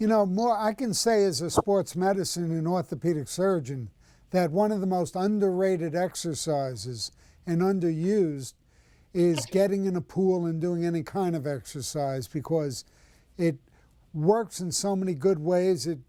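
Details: Adult man speaking; ordinary fluent speech.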